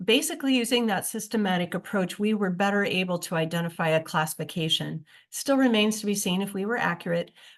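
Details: Classic adductor-type laryngeal dystonia (formerly spasmodic dysphonia), a neurologic, intermittent, task-specific voice disorder with strain-strangled voice stoppages.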